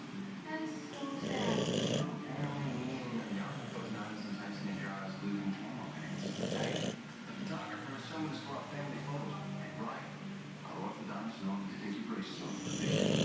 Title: Snoring Boxer